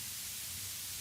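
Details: Steady, even static-like hiss strongest in high pitches: tinnitus masker noise from a masker application, with separately tuned maskers for each ear.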